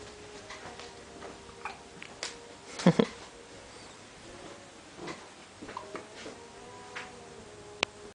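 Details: A 6-day-old newborn boy with hiccups, which he often had in the womb: a single sharp, jerky catch in the breath against quiet room hum.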